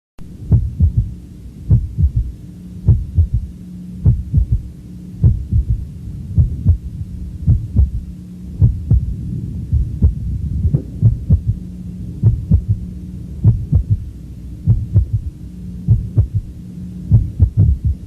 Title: Dr Khalid X10 Third Heart Sound